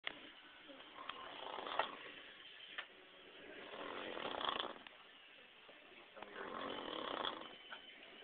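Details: Snoring from an adult man asleep after drinking: loud rattling snores on each breath, about 20 a minute, with some room noise.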